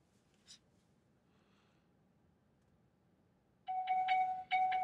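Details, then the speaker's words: After near silence, a patient monitor sounds a repeating high-pitched tonal alarm: the low heart rate alarm, triggered by a slow ECG rhythm from an ECG simulator. "right and you can see that the low rate alarm successfully went off"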